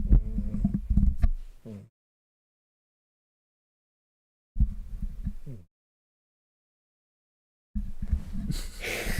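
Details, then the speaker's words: A sleeping cat, possibly dreaming, snores in low, rattling rumbles about three seconds apart, with near silence between breaths, while the owners ask whether the snoring can be heard. "hey can you hear our cat snore can you hear can you hear the cat snore"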